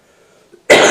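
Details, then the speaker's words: Judge during a trial who developed a bad cough over a day, with throat clearing nearby; quiet room then a single sudden loud cough burst. Acute cough. "I came down with a pretty bad cough between yesterday and today. It's making this a little challenging. I apologize."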